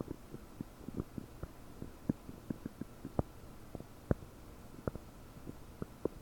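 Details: Frequent quick bubbling pops and squelches over a low rumble: loud, active bowel sounds (borborygmi) in a bloated belly about 9 hours after eating 30 prunes, recorded with a desktop microphone.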